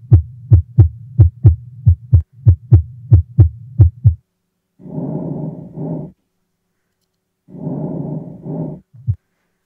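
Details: Simulated VR COVID-19 triage patient with fever, diabetes and high blood pressure, pulse-ox heart rate 96: regular low thumping heartbeats through a stethoscope, then two soft breath sounds; heart and lungs judged normal.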